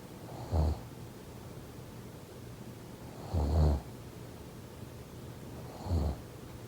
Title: #snoring #snoringsleepingsoundeffect #snoringsounds #sleepsounds #snoringasmr